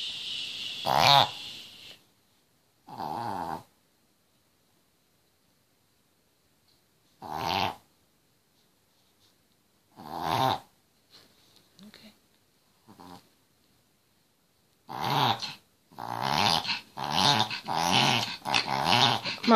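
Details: Chihuahua with collapsing trachea; loud, harsh snorting inhalations in bursts during a long reverse sneezing episode; vet says it is common in the breed; triggers include cold air, excitement, drinking fast, running and licking.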